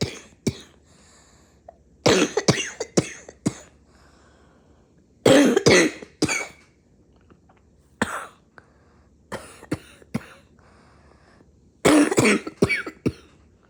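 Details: Mid-morning coughing fit: repeated clusters of harsh coughs over about fourteen seconds, in quick runs with short pauses, a persistent cough.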